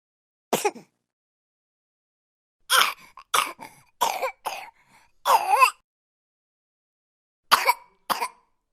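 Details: Baby coughing sound effect from a royalty-free collection: a series of short, high-pitched infant coughs, some dry and some fuller, in clusters with pauses.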